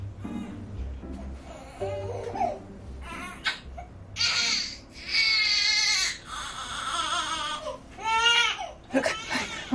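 A baby cries in loud, high-pitched wails with rising and falling pitch, separated by brief gasps and whimpers. It is a typical distress cry. Quieter voices and room noise are audible at the start.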